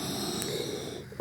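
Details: Stridor in a 29-year-old woman whose trachea stayed child-sized, with a tracheostoma and oxygen cannula.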